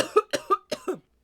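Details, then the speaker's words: Five short, voiced coughs in quick succession in a quiet room: a lingering cough in an adult feeling much better but still stuffed up, with mucus in the lungs. "I'm feeling like a ton better but I'm still a little stuffed up I have a little bit of a cough that won't go away"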